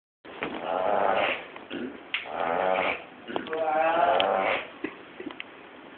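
Three snores about a second apart, raspy and nasal with a bleating quality, each followed by a brief gap.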